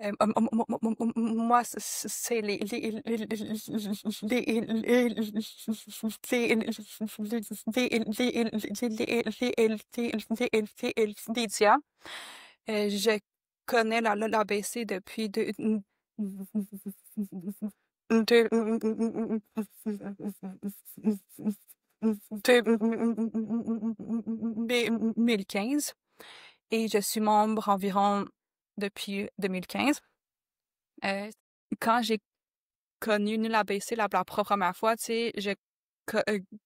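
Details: Stuttering-association member who reports strong blocks with physical tension in the mouth, jaw and throat when stuttering; stuttering.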